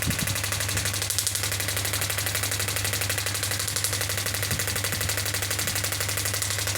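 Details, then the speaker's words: Biotronix pneumatic radial extracorporeal shockwave therapy (ESWT) device, air-compression based, up to 10 bar: the probe fires steady rapid mechanical taps over a low hum while energy is raised and frequency lowered. "You can see I'm getting this. You can see the number of shots coming, and if I increase the energy to I'm decreasing the frequency."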